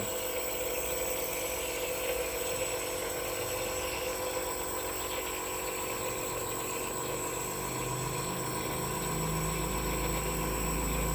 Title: di uap uap biar sembuh batuk @vlog